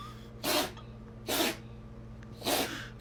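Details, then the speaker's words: Three quick, forceful hissing sneezes from a cat within about three seconds, steady hum in background; owner mentions possible allergies; sneezing. "POG you okay oh you poor thing here let me get something to clean that up"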